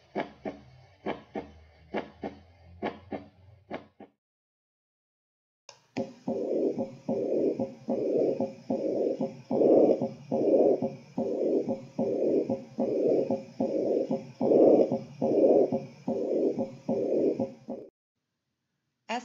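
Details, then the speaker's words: Regular heartbeats through a stethoscope during a nursing cardiac assessment, with a whooshing murmur filling each beat at the mitral site; S1 and S2 heard at all sites, no extra sounds, apical pulse 58 bpm. "and s-two heard overall cardiac sites murmur heard at mitral site no other extra heart sounds heard apical pulse was 58 beats per minute"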